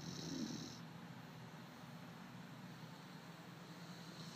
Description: My puppy bear snoring